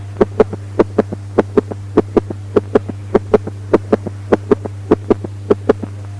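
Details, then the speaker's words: Ventricular (protodiastolic) gallop from a third heart sound at a rapid heart rate: fast, regular heartbeat with three sounds per cycle. "Ventricular gallop or protodiastolic gallop due to a third heart sound with a rapid heart"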